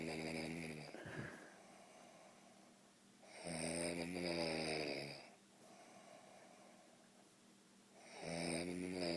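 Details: Husband snoring while his wife is amused: loud, rumbling snores on each breath in, about 14 a minute, with quiet breathing out between them in a quiet room; ordinary snoring.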